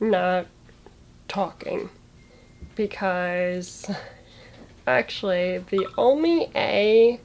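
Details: Young woman with muscular dystrophy who had a stroke at age 22 in December 2016, with right-sided paralysis and loss of speech. She is speaking during recovery and finds word choice hardest; aphasia after stroke.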